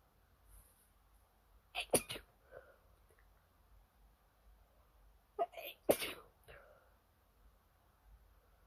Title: Late night ITCHY NOSE! Can’t stop sneezing 🤧